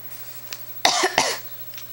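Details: Adult gives two short, harsh cough bursts in a quiet room with faint background hum; a plain cough that the pet cat dislikes, meowing irritably when coughing disturbs him.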